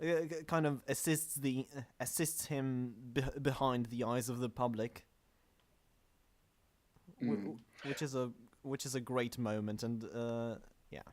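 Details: Stuttering; podcast host whose co-hosts are introduced as the non-stammering hosts, implying he stammers; the show describes itself as combining manga talk with speech therapy.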